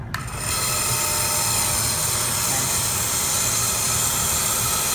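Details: DrKare compressor nebulizer with mouthpiece being switched on: a click, then a steady loud buzzing hum with a rattling hiss as the motor starts and runs continuously.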